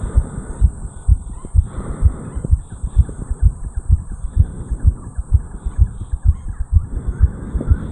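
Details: 34-year-old male, fast heartbeat recorded at the mitral area after jogging up a flight of stairs; fast, regular, strong heartbeat about 128 beats a minute over background hiss, sinus tachycardia after exercise.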